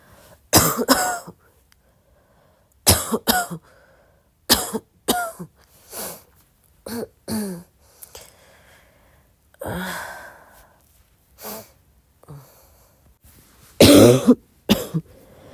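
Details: Soft coughing at midnight: about a dozen soft, short coughs and throat clearings in small clusters, with quiet pauses between them.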